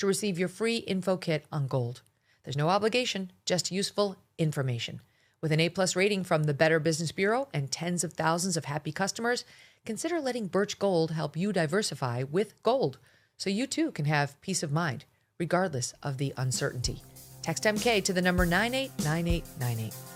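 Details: Adult speaker; normal speech.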